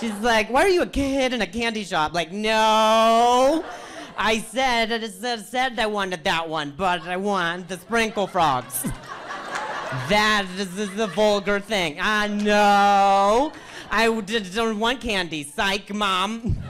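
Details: Stuttering in an adult male comedian who says hearing noises in his ear while talking makes him stutter.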